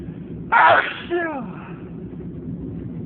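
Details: One morning of many sneezes: a single sharp, explosive burst of air with a brief voiced tail over faint room noise; sneeze.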